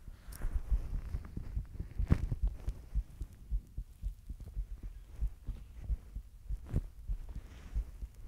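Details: Person recording their own heartbeat while blushing: soft, regular, low thumps at roughly 80 a minute with some rubbing noise; a normal heartbeat.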